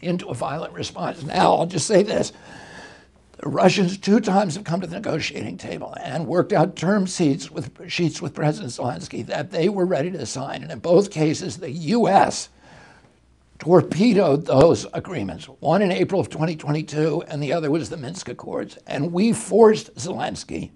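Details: Spasmodic dysphonia in an adult male whose voice was strong until age 42, following a neurological injury in 1996; he attributes his voice to the brain sending wrong signals to the vocal cords, not to the vocal cords themselves.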